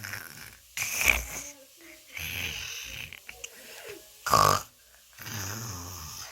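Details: Loud rattling snore-like inhalations and snorts, repeated several times: someone imitating their father's snoring.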